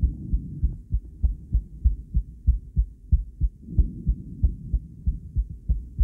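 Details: Female heart on cardiac ultrasound, with an attempt to combine ECG: rapid, steady low thumps of a heartbeat over a soft whooshing hum, about 95 beats a minute.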